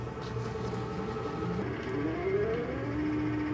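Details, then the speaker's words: Steady hum with a rising tone settling into a level whine as an Eclipse 5 portable oxygen concentrator is switched on by holding the power button 2–3 seconds; start-up. "to turn the unit on hold the power button down for 2 to 3 seconds and release"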